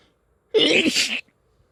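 One forceful, explosive sneeze with a voiced onset and hissing burst of air, in a quiet room.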